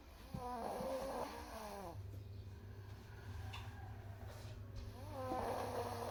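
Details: Man snoring while asleep: loud rattling snore on the in-breath, two breaths with a quiet pause between, over a steady low room hum.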